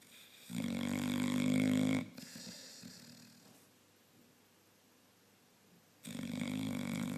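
Loud, buzzing, rattling breaths with quiet pauses between them; snoring from a sleeping dog.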